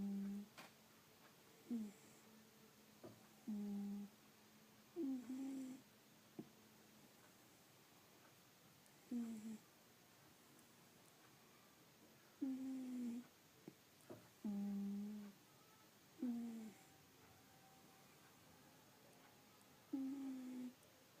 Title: Blue snores